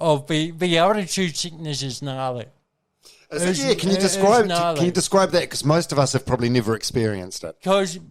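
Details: Adult man speaking; normal speech.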